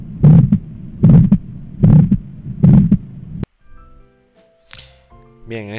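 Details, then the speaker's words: Regular heartbeat near 75 a minute with a harsh, crescendo-decrescendo mid-systolic murmur that often obscures S1 but leaves S2 audible; aortic stenosis murmur. "caso lo que hemos oído es un soplo característico de una estenosis aórtica un soplo sistólico la estenosis aórtica lo que se produce es un soplo mesosistólico que frecuentemente oculta el s1 pero no al s2"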